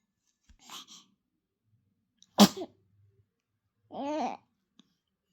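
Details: An infant's small, sharp sneeze, preceded by a soft breath and followed by a brief vocal sound.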